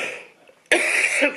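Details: Cough.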